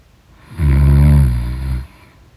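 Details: Loud snoring during deep sleep; snoring.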